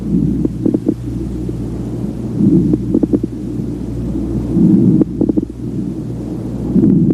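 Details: Auscultation of the right lower lobe; coarse crackles.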